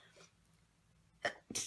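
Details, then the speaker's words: A young woman who has just woken at about 8 a.m. and seems to be getting a cold, possibly with allergies or sinus trouble, gives a double sneeze: two sharp, hissing bursts close together after a quiet pause. "oh no I have to sneeze get away from this sneeze of creas monohydrate hold on I have to sneeze okay"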